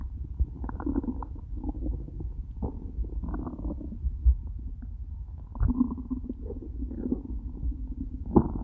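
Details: Stomach after eating nothing all day, stomach starting to hurt by end of recording: low gurgling, rumbling bowel sounds with irregular bubbling bursts; loud hunger growling, borborygmi.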